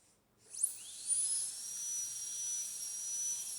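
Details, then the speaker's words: High-speed dental drill with a short tapering needle bur breaking the mesial and distal proximal contacts of tooth 46 in a metal-ceramic crown preparation demonstration: a very high whine spins up and holds. "So this shell of enamel is going to protect the adjacent tooth from damage with the burr. So I am going to complete the proximal contact breaking now by breaking off its shell of enamel."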